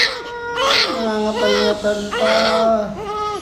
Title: ASMR Newborn crying